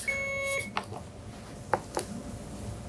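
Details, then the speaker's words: IPA-3400 infusion pump analyzer occlusion test: pump pumping into complete downstream occlusion stops and alarms "occluded" with a steady electronic tone, then faint clicks as occlusion released; peak pressure 11.8 PSI after nine seconds, 0.438 mL delivered. "so it's pumping into a complete occlusion and the pump stopped it said occluded now I can say alarm here"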